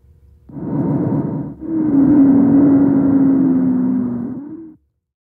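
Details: Wheeze from airway narrowing or obstruction: two breath sounds, the second carrying a sustained musical whistling tone.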